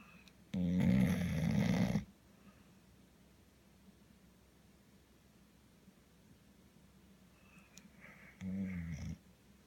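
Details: Snoring during sleep: two loud, low, rattling breaths, about 1.5 and 0.7 seconds long, separated by a quiet pause.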